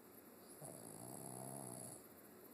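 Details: Snoring in a sleeping 6-year-old Pekingese/Shih Tzu mix dog: a single drawn-out, rattling breath through the nose and throat.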